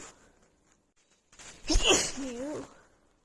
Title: Cold sneezing compilation from my really bad and stuffy cold (f)